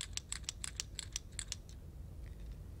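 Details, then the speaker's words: About a dozen quick, sharp rattling clicks as an Autohaler, a breath-activated inhaler, is held upright and shaken after its dust cap is removed, then quiet room noise. "to use the device just remove the dust cap and holding it upright give it a good shake"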